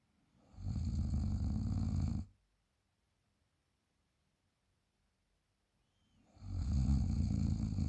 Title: Snoring after a party